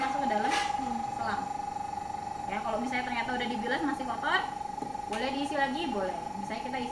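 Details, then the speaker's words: Steady hum of a running suction machine with instructor speaking, while rinsing a closed suction catheter with saline on a training mannequin representing an intubated ICU patient with endotracheal tube. "ini jangan lupa ketika kita pijit ini kita pijit ini juga jadi Nanti airnya akan ke tarik masuk ke selang dia enggak akan ke plastik ya dia masuk"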